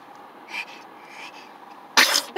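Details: A small baby sneezes in a car: quiet sounds, then one sharp, high, airy burst near the end.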